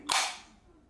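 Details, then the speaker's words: A single sharp, loud snap as a FreeStyle Libre 2 spring-loaded glucose sensor applicator is pressed and fires onto cleaned skin during self-application. "donc je me positionne bien avec le capteur comme ça j'ai sur la zone et je vais appuyer"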